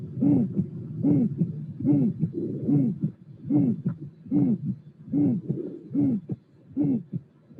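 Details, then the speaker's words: Aortic stenosis with musical systolic murmur: regular heartbeat about 73 a minute, hooting, musical murmur. "is only the results of natural transformation of sounds in musical sounds due to the fact that in that patient the torx is working like a musical instrument"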